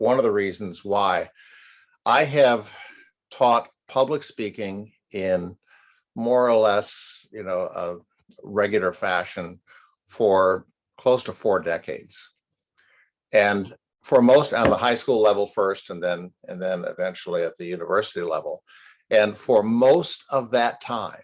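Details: Adult man speaking; typical speech.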